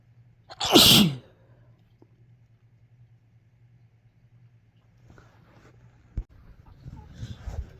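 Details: A single sharp, forceful sneeze followed by quiet breathing and faint movement sounds, from a spring sneeze compilation.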